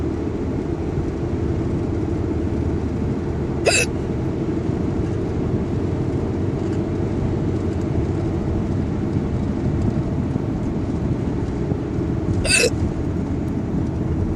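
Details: Two sharp hiccups about nine seconds apart over loud, steady vehicle road noise; persistent hiccups.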